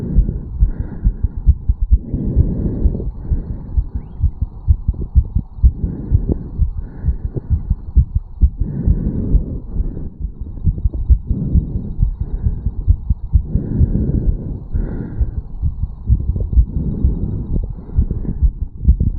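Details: 34-year-old male, stethoscope over the mitral area after a quick morning jog: rapid, regular heart thumps, fast heartbeat after exercise.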